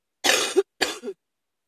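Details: Sudden-onset cough: two harsh, forceful cough bursts in quick succession, each ending with a short voiced catch; dry-sounding.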